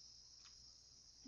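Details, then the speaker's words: Simulated tinnitus played by an online tinnitus evaluation tool while a person with tinnitus matches its volume to their own: steady, high-pitched, cricket-like hiss and ring, judged a close match. "okay that about matches this volume of my tinnitus is a little louder on a low right now"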